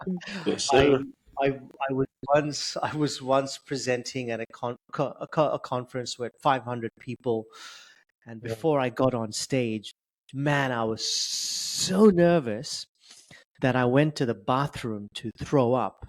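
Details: Adult male who has stuttered since age 10, with blocks, prolongations and repetitions; stuttering.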